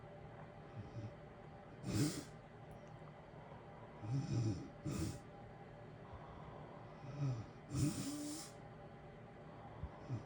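Irregular snoring and snorting breaths during sleep over a steady hiss of heater noise.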